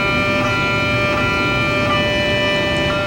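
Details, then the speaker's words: Loud, continuous, droning buzz with steady tones: the MRI scanner noise while it takes images. "Una vez que esté cómodo, se le entregará un juego de audífonos para que se los coloque, ya que la cámara hace un sonido fuerte cuando toma las fotos. Suena así."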